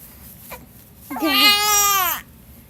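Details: Infant boy who does this every time he has hiccups: a short catch of breath, then a single loud, sustained wail lasting about a second, an infant cry.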